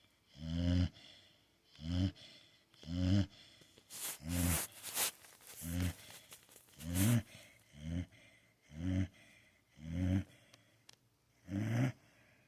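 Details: Blue pitbull dog sleeping and snoring: deep, rumbling snores with each breath, about ten in twelve seconds, roughly 48 a minute.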